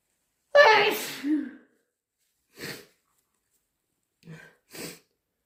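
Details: Person who is still sick: one forceful, loud sneeze with a voiced onset, followed by three short, quieter nasal bursts like sniffs or nose blows.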